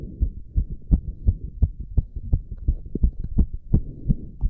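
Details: Exercise-induced sinus tachycardia in a male doing squats: rapid, regular, forceful heartbeat, about 170 beats a minute, under rushing heavy breathing.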